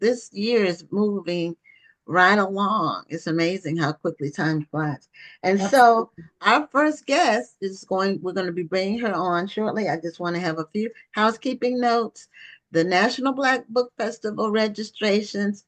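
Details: Adult woman speaking; ordinary speech.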